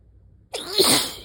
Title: Weather change + turning the heater on = sneezing fit!